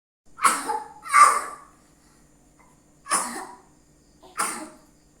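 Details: Four short, harsh coughs, two close together then two separate, in a quiet room while the person is playing; cough.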